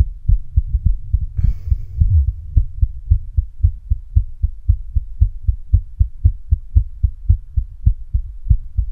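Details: Female heartbeat with a visibly, strongly throbbing neck pulse: strong, fast, regular low thumps of about 110 beats a minute, with a brief rustle near the start.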